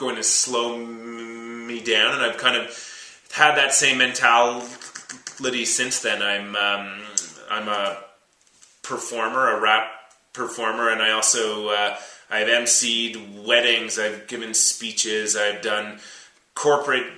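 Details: 32-year-old man who has stuttered since about age three or four, had speech therapy from about age seven and still stutters as an adult, though not when rapping, singing or using accents; stuttering.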